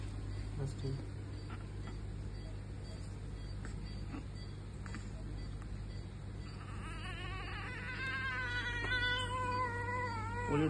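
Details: Newborn delivered today, brief breathing difficulty now settled, being vitals-checked before BCG vaccination at left shoulder: steady loud hum and room noise, then a rising, high newborn cry building over the last few seconds.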